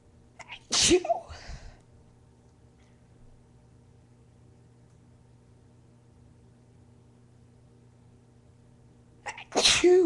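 Two forceful sneezes, each with a quick breath in before the explosive burst, separated by several seconds of quiet; deliberately induced.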